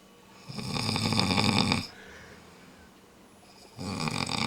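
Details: Loud, harsh rattling snores on the in-breath from a snoring-contest entrant, with a quieter pause between; heavy snoring.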